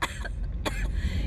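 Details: Girl coughing, also having hiccups: two short, sharp coughs close together with low background noise.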